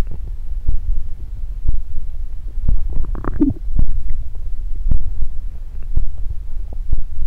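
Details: Close-up recording of ordinary stomach growling made for body-sound ASMR: low bubbling gurgles and rumbles with brief squeaky shifts of gas and fluid.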